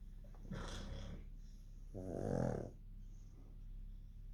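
Two rough, rumbling breath sounds about a second apart over low background noise: snoring from a sleeping dog.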